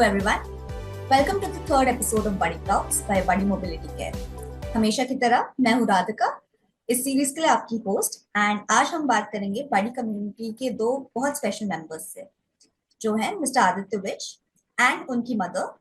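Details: Adult woman; normal speech.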